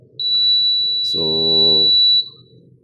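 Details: Older Mindray SV300 adult ventilator showing battery failure and O2 flow fail errors: a steady high-pitched alarm tone of about two seconds, with a brief low buzz partway through.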